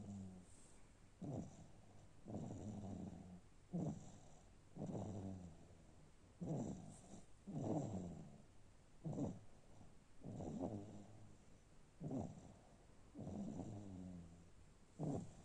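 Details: A sleeping infant snoring in a quiet room: soft, regular, rattling snores with each breath, about 22 breaths a minute.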